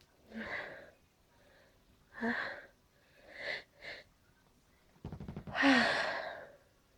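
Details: Tail end of an allergy sneezing fit at night: several breathy bursts with catching inhalations, ending in a louder explosive sneeze; repeated sneezing.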